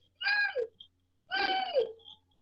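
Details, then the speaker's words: Imitated wheeze: voiced, whistling breath-like sounds mimicking the musical chest wheeze of asthma from airway narrowing, also heard on breathing and after dry cough; may vary between day and night. "e aí ele tem um chiado no peito que mais ou menos barulho faz desse jeito ó"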